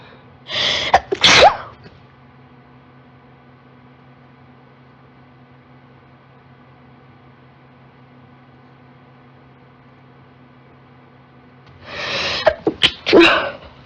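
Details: Female with allergies in a huge sneezing fit, triggered on turning on a desktop computer: two loud, largely uncovered sneezes, each with a sharp in-breath, separated by a quiet pause with room hum; repeated allergic sneezing.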